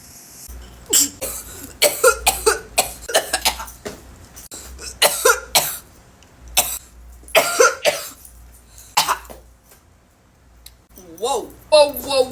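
Repeated harsh coughing bursts in an adult after inhaling smoke, with a wheezy, strained breath at the end.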